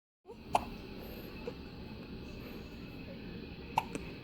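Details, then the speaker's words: Infant's first hiccups: two short, sharp hiccup sounds about three seconds apart over quiet room noise. "got the little hiccups? Ooh. Say hi. Hi, everybody. Hiccup. Yeah, you got the hiccups."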